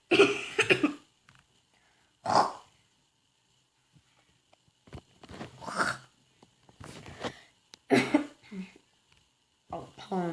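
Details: About six short, somewhat muffled cough bursts from an adult covering their cough, spaced irregularly with quiet gaps between them; repeated dry-sounding cough.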